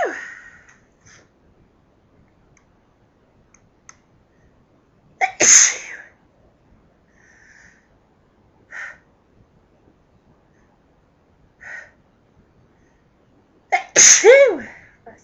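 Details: Sneezing from house dust: two loud sneezes with a sharp intake before each, plus a few soft sniffs and breaths between them.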